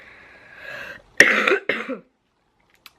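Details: Adult who is ill and says their voice is messed up: a soft breathy exhale, then two rough, harsh coughs close together.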